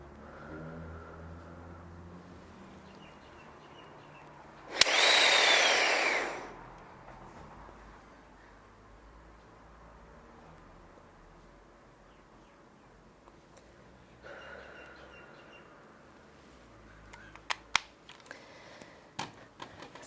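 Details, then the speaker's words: Doctor demonstrating Genuair inhaler with placebo: a sharp click, then a strong, steady two-second inhalation; correct technique, click confirming dose release. "so I'm going to remove the cap and load the device we can see that the line turned from red to Green so breathing away from the device"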